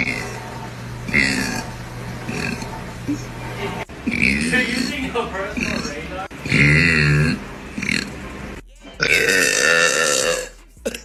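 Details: Girl or woman burping: several long, loud, voiced belches in a row, with music playing in the background.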